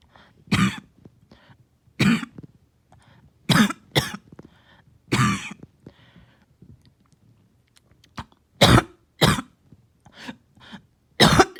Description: Back to back coughing fits this morning have taken the wind out of me.